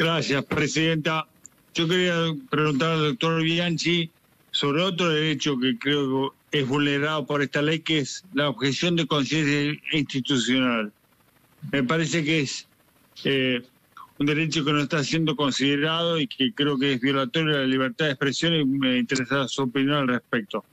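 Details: Adult male speaking in a senate, who said the stress of the year caused him dysarthria affecting the muscles of the mouth, tongue and vocal cords; dysarthria.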